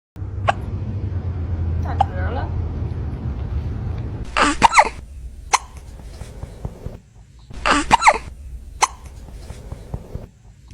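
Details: A cat's hiccups: sharp, brief hiccup-like clicks and chirps repeating irregularly over a steady low background hum.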